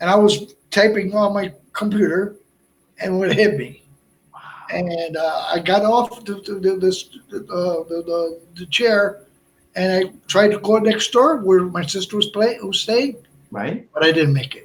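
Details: Adult male stroke survivor and heart transplant recipient with Broca's aphasia for over 8 years after a stroke in March 2011, with short utterances, laborious word-finding and more difficulty with verbs than nouns; Broca's aphasia.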